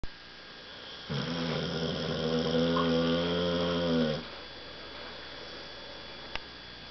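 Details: One long, loud, rattling inspiratory snore, then quiet, from a sleeping elderly Keeshond dog nearly 15 years old; ordinary sleep snoring.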